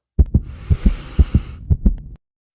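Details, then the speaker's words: Soft paired low thumps, about four beats over two seconds, with a breathy hiss between, illustrating a healthy pulse of four to five beats per breath in Chinese pulse diagnosis. "нужно иметь ввиду что у здорового человека пульс составляет от 4 до 5 ударов на вдох"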